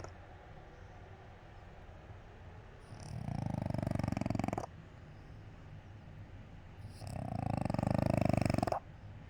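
Two soft, fluttering snores a few seconds apart against a quiet room; gentle snoring from a sleeping cat.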